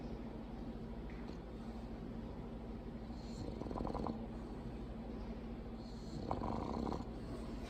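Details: Female bulldog snoring loudly in her sleep; two fluttering, rattly snoring breaths over a steady background hum; snoring from a flat-faced dog.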